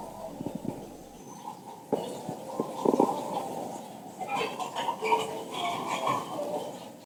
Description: His stomach was making a lot of noise; as you can hear, the sounds were long and very deep.